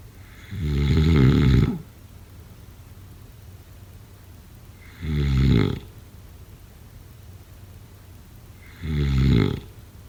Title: #snoring #sleepnoises #snoringasmr #snoringsleepingsoundeffect